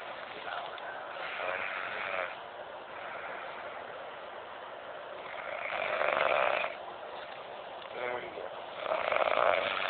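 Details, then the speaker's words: Adult cousin asleep and snoring, though he believes he doesn't snore: loud, rough snores roughly every four seconds, with quiet background noise; ordinary snoring. "he so cousin thinks he doesn't snore he may not be able to see us but you can hear and listen"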